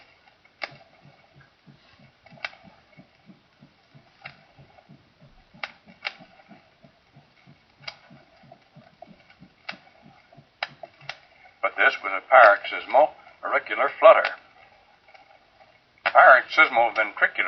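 Rapid, fairly regular heart sounds with faint clicks, later covered by loud noise bursts; paroxysmal ventricular tachycardia.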